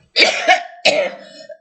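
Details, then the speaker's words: Adult who is ill with a very hoarse voice, reciting poems, gives a couple of short, rough cough and throat-clearing bursts with a hoarse, strained quality. "J'ai pris du lait et du miel, parce que comme je suis malade, j'ai la voix très enrouée à cause des brûlures par micro-ondes, la fatigue, la haine."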